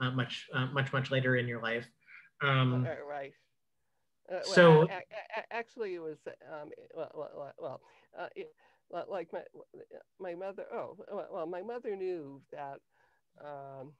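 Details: Adult woman with cluttering since early childhood, diagnosed with a language-area speech problem at age 10 and later identified by her speech therapist as cluttering; trouble organizing thoughts while speaking, needs longer to formulate answers; cluttering.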